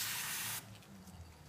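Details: Indirect retainer bonding, demonstrated on a large model: strong half-second hiss of compressed air from a dental air syringe drying the bonding agent, then it stops.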